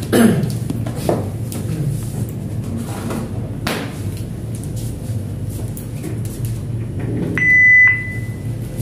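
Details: Handling clicks in a quiet room, then a single sustained high beep from a Philips defibrillator during a test energy discharge; defibrillator alert tone.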